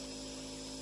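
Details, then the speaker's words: Steady hissing hum of a running nebulizer compressor in the background during a young boy's daily late-night breathing treatment. "I can't really go into any of those details, so you can probably hear the nebulizer in the background, but 2018 has been a big year for our family."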